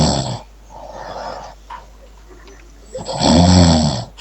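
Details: Snoring.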